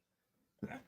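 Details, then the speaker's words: Single short, sharp, voiced sneeze from an adult, heard at a distance from the microphone after a quiet moment, during a live-streamed trading session. "excuse me guaranteeing profit I was too far away from my mic to mute myself there for the sneeze so you to hear it with me"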